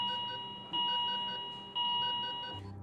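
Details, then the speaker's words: Steady high-pitched electronic alarm tones in repeated blocks, with fainter beeps: hospital baby-unit equipment alarms, including ventilators, ringing as emergency batteries kick in after a power loss during Hurricane Sandy. "then the alarms begin to ring as emergency batteries kick in"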